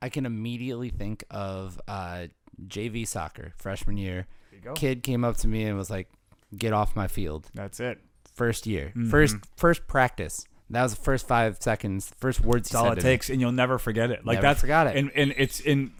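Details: Adult male speaker; typical speech.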